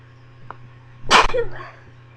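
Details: Stifled sneeze, a first attempt at holding sneezes back: a faint catch, then one short muffled burst of air with a hiss; the recording mic adds a shaky sound.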